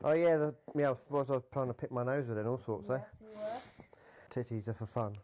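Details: Vocal tics in a man with Tourette syndrome.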